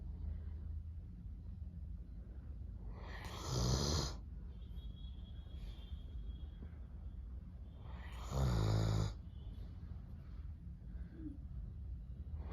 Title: Snoring doberman #shorts #doberman #pets #dog